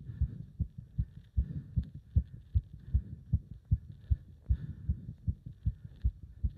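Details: Heart sounds during leg wrench exercise: fast, strong, regular heartbeat of about 150 beats a minute, pounding so hard the pulse was felt up to the subclavian artery; a rapid, forceful heartbeat during exercise.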